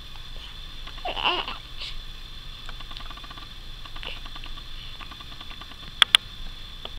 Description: got the hiccups!